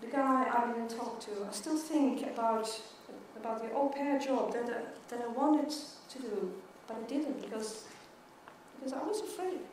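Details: Adult woman who stutters; stuttering.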